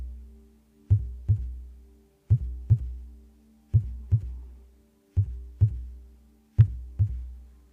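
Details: Heartbeat recorded with stickers on the head: paired low regular lub-dub thumps at about 42 a minute with faint steady background hum; normal heartbeat.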